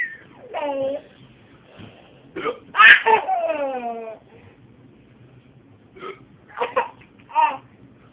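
Short abrupt catches of the voice mixed with a child's laughing and babbling; hiccups.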